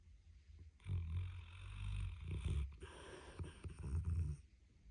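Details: A sleeping dog snoring: two long, low, rumbling snores; snoring.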